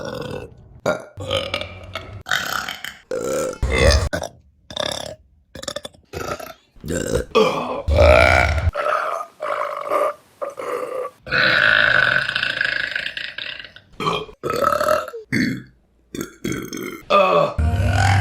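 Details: Burping compilation: a rapid run of repeated voiced belches, short and long, with brief gaps and one sustained belch near the middle; burping.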